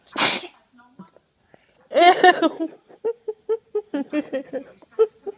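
One sharp, hissing baby sneeze, followed by an adult's voice: an ordinary infant sneeze.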